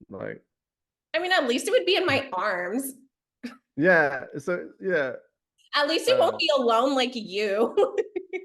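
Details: Adult woman speaking; normal speech.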